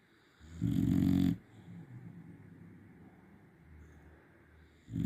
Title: Snores like a tractor! #dog #shorts